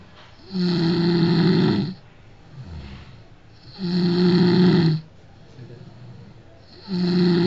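Loud, rough, vibrating snores on each breath in, about 19 breaths a minute, with quieter breaths out between them.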